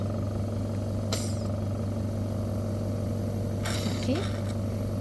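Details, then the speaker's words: Loud continuous motor hum with brief slurping gurgles: a Medpro suction machine set to 0.02, used in a simulated demonstration to suction phlegm from a patient's mouth with tubing rotated slowly; suction machine operating. "so now I'm going to turn on the machine and then just now I have already set to 0.02 range so I'm going to suck up the patient's flam by entering uh the patient's mouth with this this tubing"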